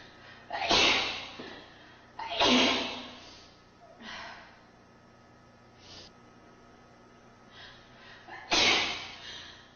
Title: Sneeze Compilation #14